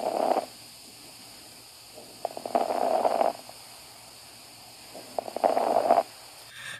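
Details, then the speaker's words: Sample lung sound for stethoscope auscultation teaching: brief, soft crackling clicks during inspiration, lower-pitched than coarse crackles, like rolling hair between the fingers: fine crackles. "crackles are lower pitch as compared to the coarse crackles the sound is similar when you roll a strand of hair between your two fingers"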